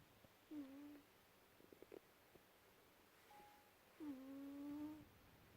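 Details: Sleeping cat fast asleep making two drawn-out, tonal, whistling snores about three and a half seconds apart in a quiet room; snoring.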